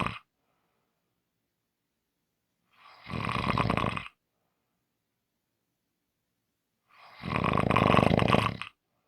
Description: Today is a short Audio, Friday's long snoring audio.